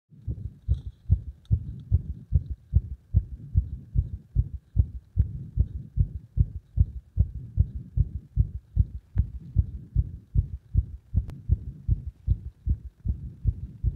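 Fast, dull thumping heartbeat near 150 a minute, mostly steady with some uneven spacing; irregular beats point to an arrhythmia.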